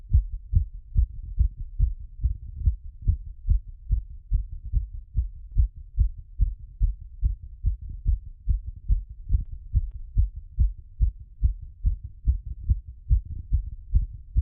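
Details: Heart auscultated through a stethoscope after a workout plus squats: fast, regular heartbeat about 140 beats a minute, normal quickened rate after exercise.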